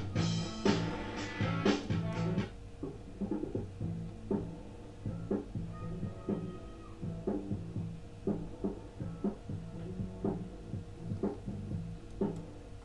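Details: Simulated steeply sloping moderate high-frequency hearing loss: rock music with vocals sounds muffled and dull, drums and bass clear but cymbals and treble almost missing.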